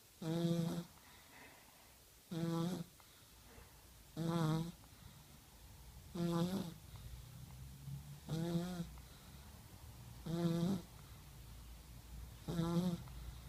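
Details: Snoring in a 1-year-old child asleep at night: regular voiced snores about every two seconds, roughly 30 a minute, with quiet breathing between and faint room hum.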